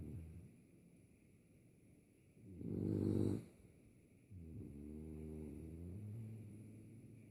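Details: French Bulldog snoring in an "off-switch" pattern: two low, rumbling snores in a quiet room, one short and loud, one long and fluttering.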